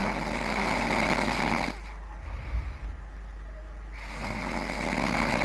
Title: Rage Snoring